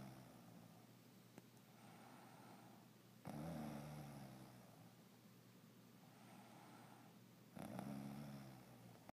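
Two slow, rough, rattling breaths in about nine seconds, loud on the in-breath and fading after, typical snoring in sleep.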